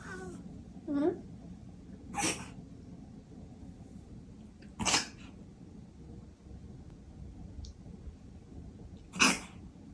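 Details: Cat coughing at night (from 23:30 for about 30 minutes), recorded to show the vet: four short, harsh expiratory bursts several seconds apart over quiet room noise.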